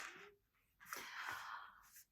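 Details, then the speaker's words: A pet snoring in the background of a room, heard faintly. "but she's snoring back there. If you can hear her."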